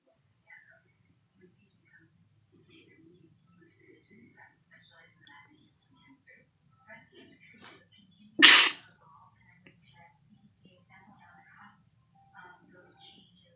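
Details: A person sneezing: a single sharp sneeze in an otherwise quiet room with faint murmuring around it.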